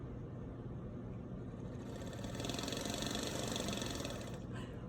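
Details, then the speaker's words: Respiratory therapist demonstrating home airway clearance therapy: a long exhalation through a handheld oscillating positive expiratory pressure device with a good lip seal produces a steady fluttering buzz; the vibration loosens lung secretions for coughing up. "I don't know if you guys can hear me, but when I'm blowing it in, it creates a vibration. It creates a sound. And what that does, it travels down in your lungs, and that vibration vibrates your lungs, loosens stuff up so that you can pull them out in your mouth and cough them up."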